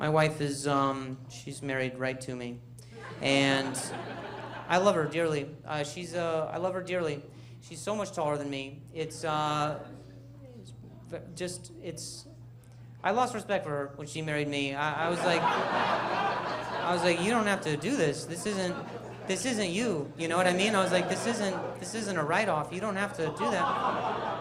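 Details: Stuttering in a male stand-up comedian, with audible word and phrase repetitions; he says noise and people talking near him make him stutter.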